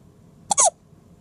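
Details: A single short, sharp hiccup with a brief voiced squeak from a 2-day-old baby boy with hiccups.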